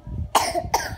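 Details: Child coughing: two short, harsh cough bursts in quick succession.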